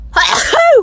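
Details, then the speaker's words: Girl's single sudden sneeze with a sharp burst of air and short voiced cry, induced by a COVID-19 nasal swab test. "i'm going to do this off camera because usually i sneeze everywhere"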